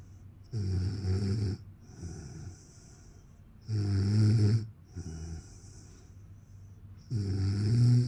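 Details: A person snoring, with loud, rattling snores on each in-breath at about 17 a minute and quieter breathing out between: ordinary snoring.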